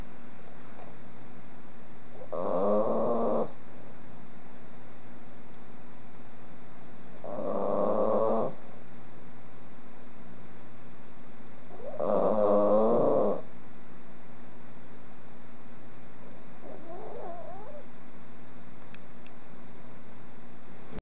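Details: Snoring: three rough, fluttering snores about 5 seconds apart, roughly 12 per minute, over a steady hum.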